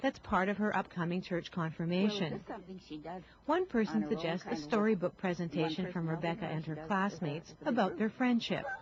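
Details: Adult female narrator; Normal speech.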